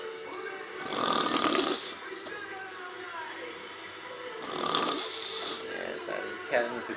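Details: Woman asleep and snoring after several alcoholic drinks during a Neil Diamond concert: two loud, rough snores about four seconds apart, rattling on the in-breath, with light room noise between.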